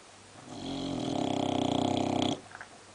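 One loud, drawn-out, rattling snore from a sleeping dog, with a fluttering vibration through the breath.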